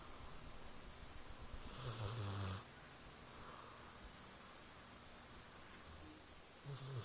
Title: Dogs snore